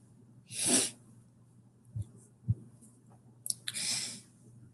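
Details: Two sneezes, the second with a short catching intake before it, separated by soft sniffs and breaths in a quiet room, from a livestreamer sick with a flu-like illness (body aches, burning eyes, raspy voice): sneeze.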